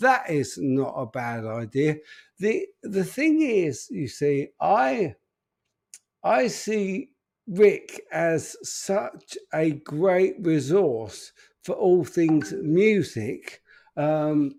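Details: Adult man with an upper motor neuron disorder affecting speech, progressively more evident and currently worse; real, unacted live speech showing upper motor neuron dysarthria.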